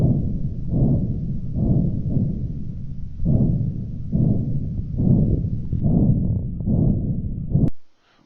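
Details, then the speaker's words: Dialysis patient's arteriovenous fistula access listened to by placing it next to the ear: steady low whooshing that swells with each pulse, about 70 a minute, the normal "good to go" bruit. "your axis should make a gentle whooshing sound like this and should sound the same each time you"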